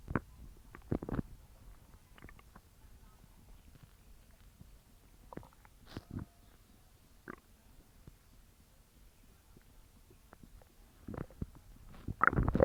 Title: Evening stomach growling sounds